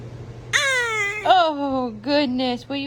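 Short rising and falling wails from a newborn, a few brief cry bursts with pauses between them; an ordinary infant cry.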